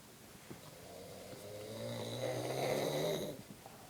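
One long, rattling snore that builds in loudness on the in-breath, then fades. Ordinary snoring.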